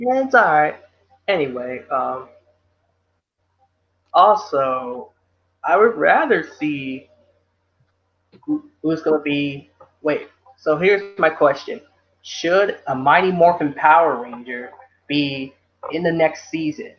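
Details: Adult male speaker; ordinary speech.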